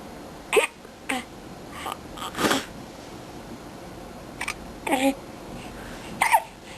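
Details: Brief, abrupt catches in the breath from a 5-week-old baby, recurring every second or so, mixed with small voiced sounds against quiet room noise; hiccups.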